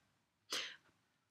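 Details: A single sharp, explosive sneeze burst with a brief breathy tail; an ordinary sneeze.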